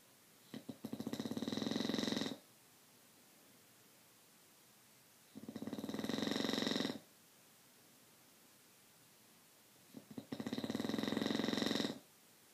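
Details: Three regular buzzing snores, each about two seconds long, with quiet pauses between, roughly twelve breaths a minute; snoring.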